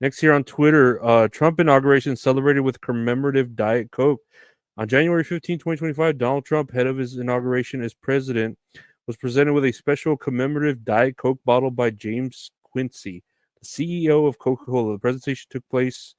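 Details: Adult male speaker; normal speech.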